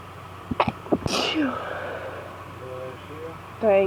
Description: Allergy fit with random sneezes and my husband blessing me :)